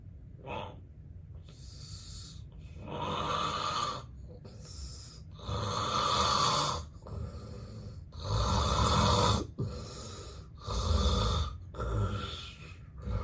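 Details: Real, unacted daytime nap recorded in bed by a person with daytime sleepiness: loud, rough snores repeating in bursts, heavy snoring in obstructive sleep apnea.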